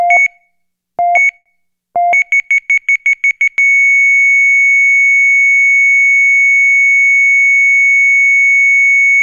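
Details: Simulated EKG heart monitor flatline from a sound-effects library: beeps speed into a rapid run, then one steady unbroken tone, the asystole alarm.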